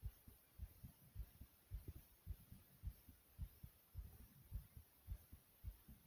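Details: Racing heartbeat deliberately made fast, with heavy breathing: fast, regular low heartbeat thumps at about 107 beats a minute, tachycardia.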